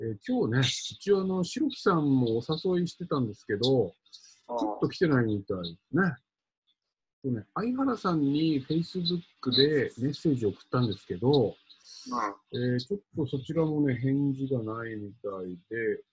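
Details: Adult male speaker; ordinary speech.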